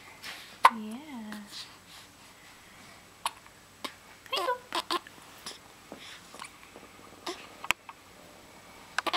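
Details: Baby who gets hiccups about twice a day: short, sharp catching sounds at irregular intervals, with a brief baby vocal sound and quiet room noise; infant hiccups.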